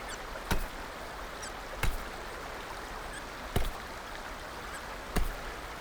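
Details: Infant girl's hiccups: four short, abrupt hiccup sounds about 1.6 seconds apart over steady background noise.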